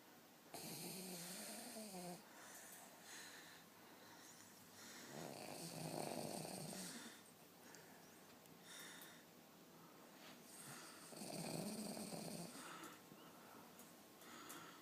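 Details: Sleeping King Charles Spaniel dog snoring: soft, rattling snores on breaths in, repeating every five to six seconds, with faint wheezy snorts between.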